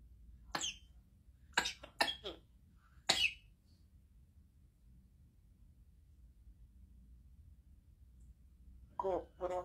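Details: African Grey parrot mimicking a cough: about five short, sharp cough-like bursts, then brief voiced calls as it says "Go Corona Go"; imitation, not illness.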